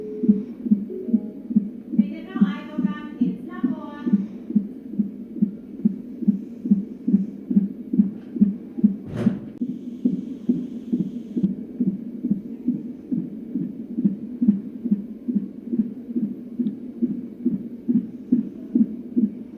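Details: Fetal heartbeat of a boy, about three pounds and 16 inches long and measuring on target, on a Doppler monitor at a prenatal visit: fast regular whooshing pulses about 140 a minute, brief talk early on.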